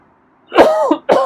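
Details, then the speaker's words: Adult cough while petting a feral cat: two quick, harsh cough bursts in close succession, like clearing something swallowed the wrong way. "sorry okay yeah i had a cough yeah scrub is not used to me coughing or sneezing"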